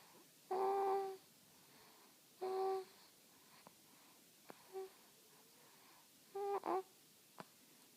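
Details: Cat snoring gently: short humming, buzzing snorts at irregular intervals with quiet gaps between.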